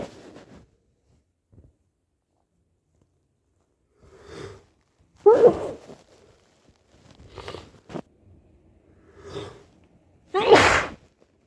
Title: sneezes